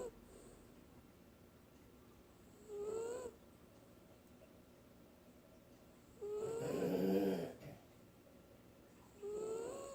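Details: Sleeping wiener dog (dachshund) sleeping hard: three snoring breaths, each ending in a rising whistling squeak, roughly every three seconds over steady background hiss; snoring with a nasal whistle.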